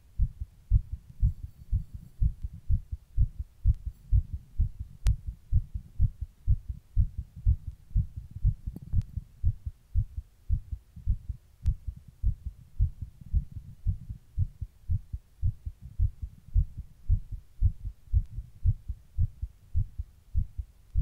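Fast, steady heartbeat of deep thumps, heard just after stopping breathing back into a plastic bag.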